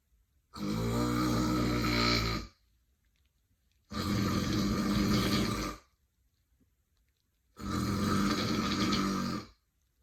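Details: Loud, rough, rattling snores from an adult woman, about two seconds each with quiet gaps at roughly 18 breaths a minute: heavy snoring.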